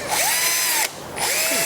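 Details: Orthopaedic skills and simulation lab, fracture-fixation teaching: high-pitched whining surgical power drill with a short pause, pitch rising and falling as it bores through bone for screw placement; a 2.5 drill bit is mentioned.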